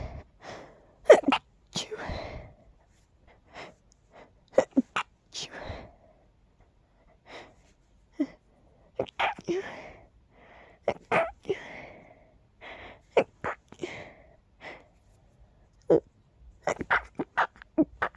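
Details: Repeated sharp sneezes with gasping inhalations and sniffles between, from a tickly, constantly stuffy nose during pollen season; a run of sneezing from pollen allergy (allergic rhinitis).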